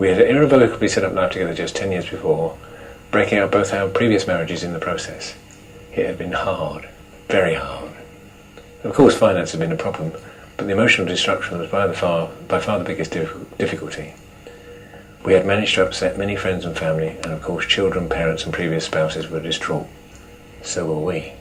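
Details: Man with Parkinson's disease diagnosed at age 52, reading aloud; Parkinson's disease speech (hypokinetic dysarthria).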